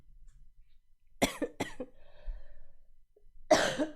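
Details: Coughing from a streamer who is sick with a sore throat: a short cluster of three coughs, then one louder cough after a pause.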